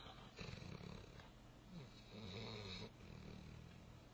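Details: Newfoundland puppy asleep on a futon, snoring and dreaming: low, rough breathing noises with a faint groaning or whimpering quality.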